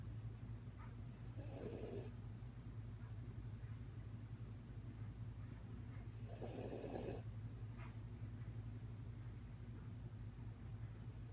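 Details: Two soft, rough breathing noises about five seconds apart over a steady low hum from a sleeping dog; dog snoring.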